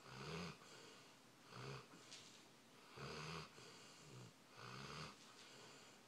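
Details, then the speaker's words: Sleeping dog snoring: short, rough, snorting inhalations each followed by a softer exhalation, about three to four cycles in six seconds. "You're snoring."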